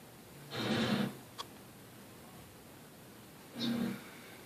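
Two soft, buzzing breath sounds about three seconds apart over room hiss, with a faint click between them. Light snoring.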